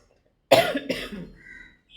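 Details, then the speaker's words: One harsh cough in two bursts, trailing off; the person attributes it to allergy from cloth dust, a cough that had cleared and then returned. "തുണീൻ്റെയൊക്കെ പൊടി കാരണം ചുമ മാറണില്ല. Mask വെക്കേണ്ടി വരും. ഇങ്ങനെയാണ് വരുന്നത്."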